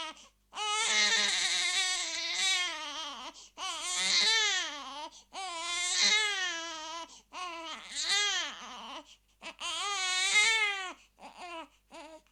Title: crying baby sound effect